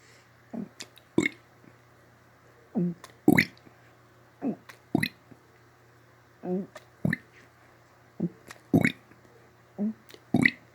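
Repeated low, gurgling belches, about a dozen over ten seconds, irregularly spaced, against a quiet room hum; repeated burping.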